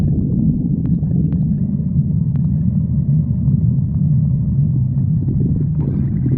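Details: Continuous low rumbling and gurgling with a few faint clicks; stomach growling.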